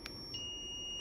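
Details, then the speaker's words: Training demo of a Zoll defibrillator connected to a simulator module in place of the pads: after analysis advised a shock, the energy was set to three joules and charged, giving a short beep then a steady high-pitched charging tone. "let's say it's three joules three joules i charge it"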